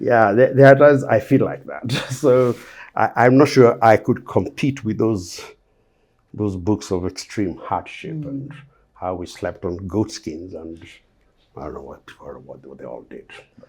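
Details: Adult Kenyan man with a lifelong stammer that the host calls clearly audible; his father (less severe) and a couple of cousins also stammered: stuttering (stammering).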